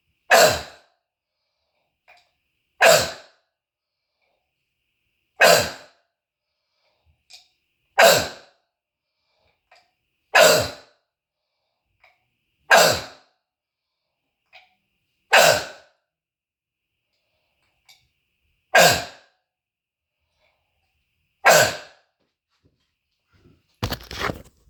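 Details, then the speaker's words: Adult with bronchitis, nine loud, harsh, evenly spaced single cough blasts with a barking croup-like quality, echoing off the walls during a self-recorded cough sound test for a throat tickle. "I'm doing a sound test on my coffin you hear you hear how the way my cough is Echo filing against the walls okay"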